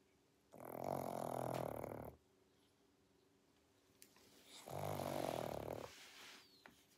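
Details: Pug sleeping: two long, rough, rattling breaths separated by a quiet pause, snoring with snort-like noisy breathing from a flat-faced dog; snoring.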